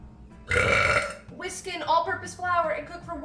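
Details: Long, loud voiced burp from a female livestreamer, followed by talking over background music; burping.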